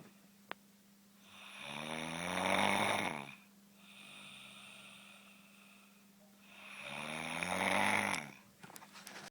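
Two long, vibrating snores on the breath in, each rising in loudness, with a softer breath out between them, about every five seconds.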